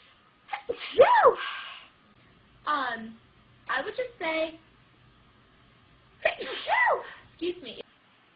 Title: Aber Crombie Chick Sneezes!